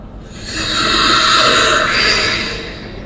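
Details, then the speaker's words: A single loud, harsh snoring breath from turbulent airflow in a narrowed upper airway, played as an example in a sleep apnea explanation where loud snoring is followed by a pause in breathing: snoring. "Ada ngorok dulu. Nah, ngorok keras itu artinya udara itu turbulens di dalam saluran napas kita."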